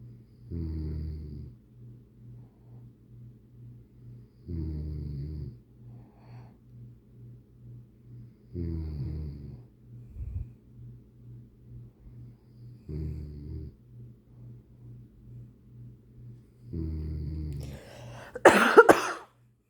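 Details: Loud rhythmic snoring at about 15 breaths a minute, ending with a brief harsh cough from someone recovering from a minor cold.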